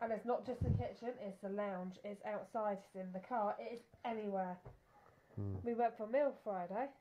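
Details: Adult woman; ordinary speech.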